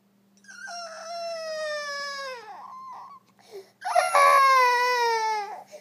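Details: Baby boy crying after sneezing: two loud, drawn-out wailing cries with a steady pitch falling at the end; ordinary infant cry.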